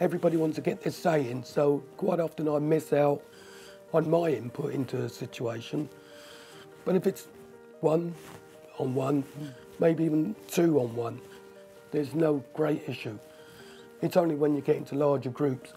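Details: Tracheostomy speech with breath-limited phrasing in a man with a tracheostomy for two years after severe breathing problems; he blocks the uncovered tube with a finger to talk, pausing for breath and becoming short of breath.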